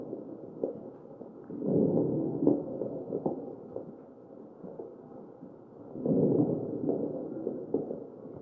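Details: Crackles in a mechanically ventilated real patient's chest: machine-delivered breaths with brief popping clicks scattered through the cycle.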